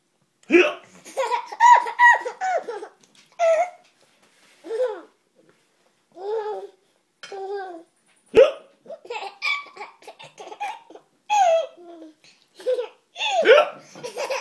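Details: Young boy laughing at his father, with a hiccup: bursts of child laughter broken by a sudden sharp catch in the breath partway through.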